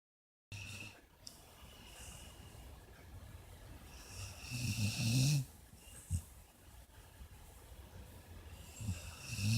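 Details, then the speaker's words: A dog snoring in sleep: soft low rumbling breaths with a few louder snorting snores over steady room noise. "What's the matter, baby? You sleeping? You snoring?"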